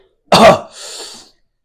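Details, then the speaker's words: Adult coughing right after drinking Carolina Reaper chili-infused liquor in a challenge: one sharp, harsh cough fading into a breathy gasp; irritant cough. "the Carolina deeper cough oh"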